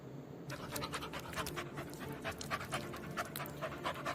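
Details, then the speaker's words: A dog breathes in fast, noisy pants, about 130 a minute, described as suffocating; labored breathing, respiratory distress (dyspnea). "you think he's having a good time no he isn't he's suffocating"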